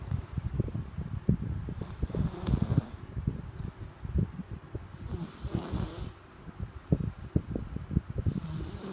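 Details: Rocky snoring loudly: deep, rattling, fluttery snores alternating with hissing breaths, repeating about every 3 seconds.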